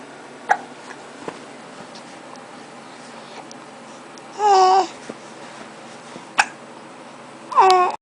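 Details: Boy talking to himself and kicking his feet while hiccupping: sharp, brief catches at irregular intervals mixed with short babbled voice sounds; hiccups.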